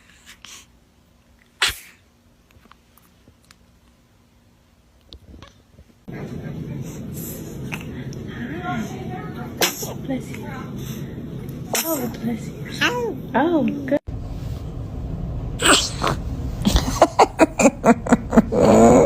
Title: Sneezing baby compilation